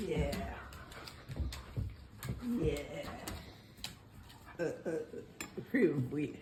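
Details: 90-year-old woman after a left ischemic stroke, in recovery and doing speech exercises, completing about half her sentences, with repetitions and incomplete sentences; Broca's aphasia.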